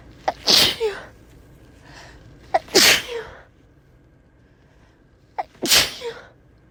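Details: Uncontrollable repeated sneezing in a car: three forceful sneezes in quick succession, each a sharp intake then explosive burst, faint steady background hum.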